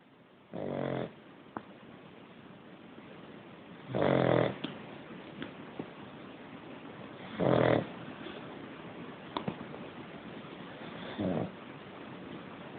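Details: Pet named Yoda snoring: four loud rasping snores at about 18 breaths a minute, steady and regular, with quiet pauses between.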